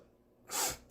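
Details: A quiet moment, then one sudden, sharp, hissing burst of air: a single sneeze from a K-pop singer of Astro.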